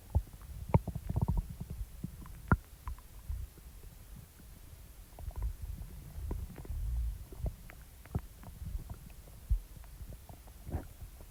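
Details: Stomach rumbling after eating, soft and loud growls; bowel sounds (borborygmi).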